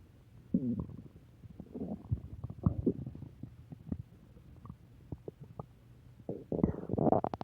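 Gurgling, bubbling rumbles and squeaks from the belly, ordinary stomach growling from gas and fluid moving through the gut.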